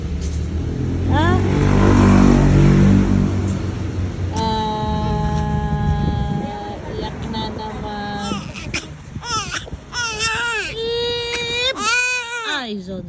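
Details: Baby crying loudly: high-pitched wails rising and falling in bursts over traffic noise, upset and irritated after its eyes were covered; ordinary infant crying.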